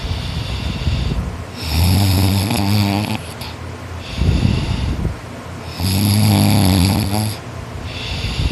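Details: Boy snoring loudly in sleep after a tiring workday: loud, rough, rattling snores on each breath in, about 14 breaths a minute, with quieter breaths out; heavy snoring.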